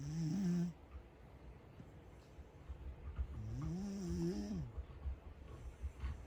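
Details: Two loud, low rattling snores with quiet gaps between breaths from a sleeping Corgi; snoring.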